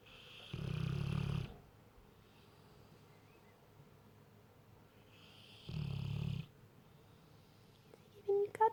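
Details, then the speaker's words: Sleeping mastiff cuddling a cat; two low, rough snores about five seconds apart, with quiet breathing between; ordinary dog snoring. "Shh! You're waking the cat up. Stop snoring."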